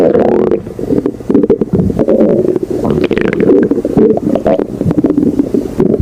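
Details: Steady, loud gurgling growl with a low rumbling quality, heard close up from a hungry person's stomach; stomach growling (borborygmi).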